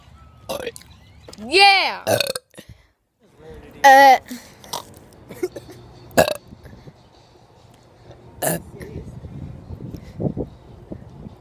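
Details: Person burping: two loud, voiced burps with a few shorter throaty sounds and quiet background talk; ordinary belching.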